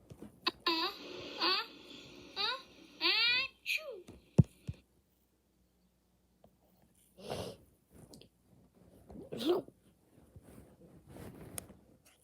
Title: I’m sneezed